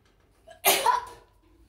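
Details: A brief in-breath, then one sharp explosive burst of air trailing off; a single sneeze.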